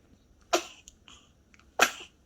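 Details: Small pet sneezing: two sharp, explosive bursts of air, each fading quickly.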